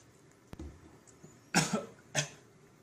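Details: Two short, forceful coughs from an adult, with a faint click and low noise before them, from a coughing compilation.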